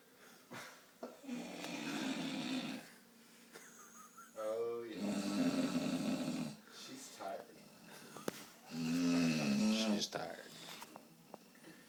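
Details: Three long, loud, rattling snores with quiet gaps, about 15 breaths a minute, from a sleeping man; heavy snoring.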